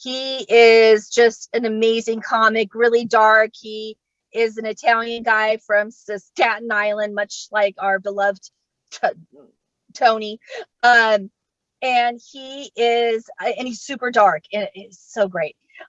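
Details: Adult woman who states she has genuine, unfaked stuttering, speaking during a live comedy set at StutterFest 2022; stuttering.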